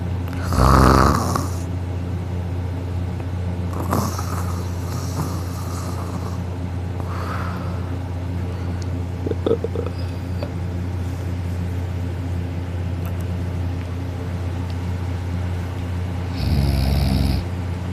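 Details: A very heavy sleeper snoring loudly while a sister holds the sleeper's nose, still snoring: loud, low rumbling snores at irregular intervals over steady background noise.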